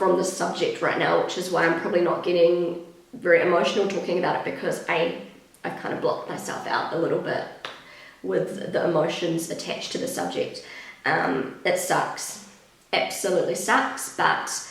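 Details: Pregnant woman with a habitually croaky, crackly voice that she says worsens whenever she is pregnant, blaming the pregnancy; she is also slightly out of breath; vocal fry.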